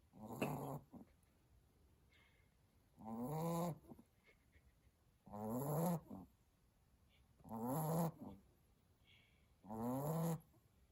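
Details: Cockapoo puppy sleeping, soft rhythmic snoring with a brief vibrating snore about every two seconds; ordinary puppy snoring.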